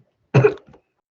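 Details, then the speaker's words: Single harsh, dry cough burst from a child with chronic daytime habit cough that stops during sleep (over half a million coughs), during physician-led suggestion therapy; habit cough. "sometimes this happens to other kids too and it's hard hard to do because your body wants to cough but your mind can control it for a short period of time"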